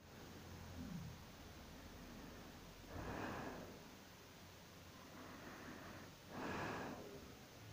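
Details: Person sleeping after work, light snoring: soft, rough breathing swells about 18 a minute over a steady hiss.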